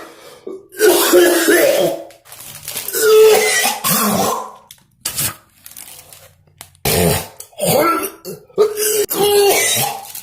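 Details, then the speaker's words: Productive cough from an adult man with flu-like symptoms coughing up chunks of phlegm after taking Mucinex DM: a coughing fit of about seven loud, harsh bursts with throat clearing. "Now have yourself a coughing fit. You want to be productive with your coughs. Get it all out."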